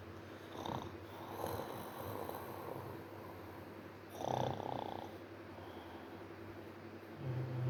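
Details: Irregular low rattling breathing noises every few seconds during restless sleep, faint steady hum behind; snoring.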